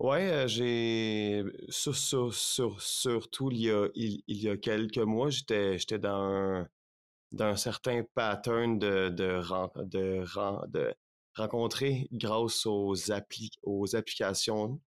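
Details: Stuttering, lifelong, in a French-speaking man in his thirties.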